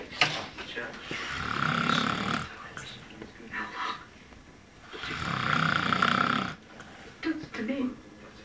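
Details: Man sleeping and snoring loudly: rough, fluttering snores on two long inhalations, with softer breathing between them in a quiet room.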